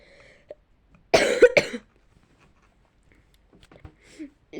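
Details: Cough from a girl who says she is ill: two quick, harsh coughs in a quiet room, then soft background sounds.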